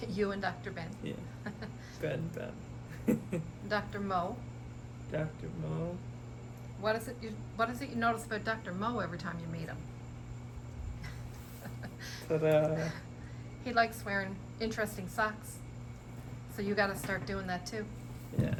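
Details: Adult speaker in conversation; no speech disorder.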